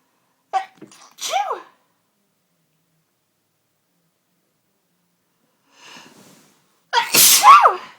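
Two loud sneezes, each with a sharp indrawn breath before the burst, in a quiet room; part of a run of repeated sneezing.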